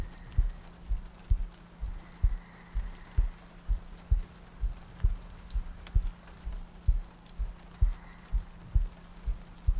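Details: ASMR sleep-aid roleplay of cuddling next to a girlfriend on a rainy night, a looped track with soft breathing: steady soft low thumps at about 65 a minute under rain and a faint hum; a regular heartbeat.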